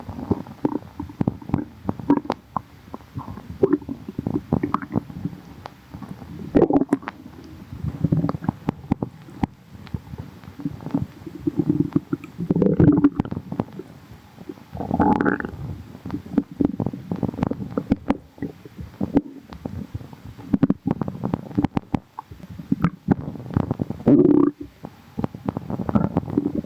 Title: some gurgles | stomach growling